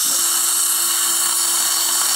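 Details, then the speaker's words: Implant osteotomy in the mandibular ridge, preparing for a 5.0x10 ET3 implant: steady high-pitched drill whine. Depth-marked drills are stopped half a millimetre short. "these are depth cut their set to depth so you don't need to worry about going too deep I'm going to stop one half millimeter short"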